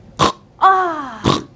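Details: Imitated snoring during a discussion of snoring and sleep apnea, where the relaxed tongue and soft palate fall back when lying supine, narrowing the airway and vibrating.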